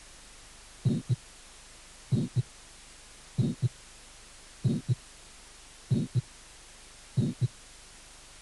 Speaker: y sopló sistólico y sopló proto sistólico corto inocente